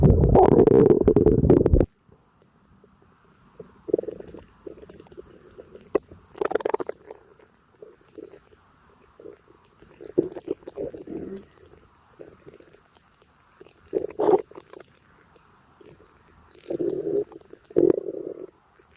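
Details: Stomach rumbling (borborygmi) during a gassy stomachache: loud gurgling bowel sounds coming in bursts.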